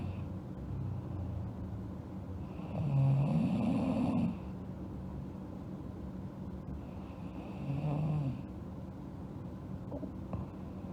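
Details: Girl asleep, snoring: two slow, low, rattling snores on inhalation several seconds apart, with quiet breathing between.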